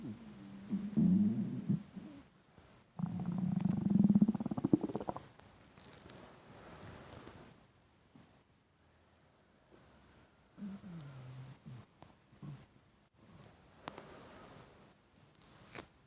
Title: Intense stomach rumbling hungry